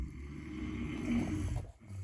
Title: My fidget toys ( sorry in the back ground with my dad snoring ) 😴 ￼